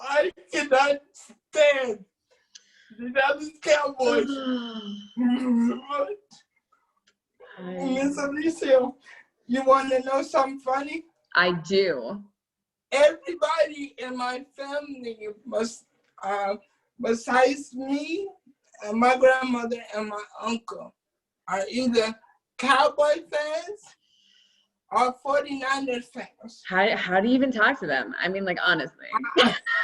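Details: Adult man with cerebral palsy since birth who uses a wheelchair; doctors predicted at birth he would not speak; dysarthric speech in cerebral palsy.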